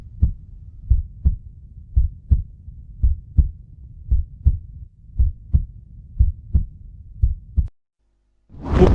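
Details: Normal heartbeat illustrating the heart pumping blood in circulation: steady regular lub-dub about 56 beats a minute, normal heart sounds.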